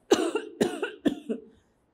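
Three quick, forceful coughs in a row, each a short rough burst that trails off, in a quiet room: an ordinary cough.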